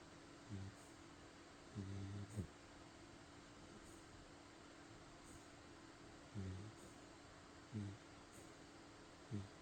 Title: 犬もいびきをかきます